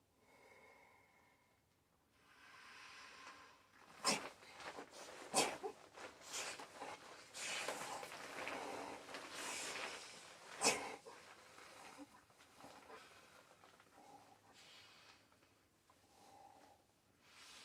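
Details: Person wearing a PVC latex wolf mask: muffled breathing through the mask, broken by a few sharp nasal snorts and sneeze-like bursts; snorting.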